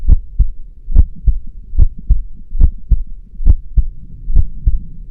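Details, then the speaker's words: Stethoscope diaphragm at the cardiac apex of a subject rested quietly for 5 minutes, in a physiology lab demo: steady paired lub-dub sounds at about 70 beats a minute; normal heart sounds S1 and S2, normal heart rate. "Place the diaphragm of the stethoscope over the apex of the heart. Listen carefully. Each heartbeat has two sounds. loved dub or one beat."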